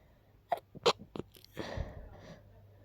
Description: I'm a little sick these days, so of course the sneezes come along 😅 / very stuffy..